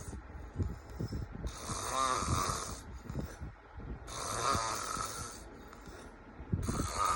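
Loud, rattling snores alternating with hissing breaths, irregular, roughly 12 breath cycles a minute.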